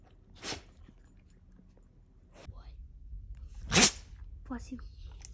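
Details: Pet sneeze compilation with cats and dogs: a small animal gives two short, sharp sneezes, the second louder, with faint room sounds between them; ordinary sneezing.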